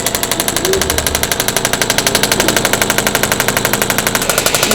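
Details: Radial shockwave therapy handpiece (Intelect RPW 2) pulsing at about four per second during chiropractic treatment with contact gel; a magnet strikes metal inside the device, with no direct tapping on skin, while the therapist searches for a tender spot.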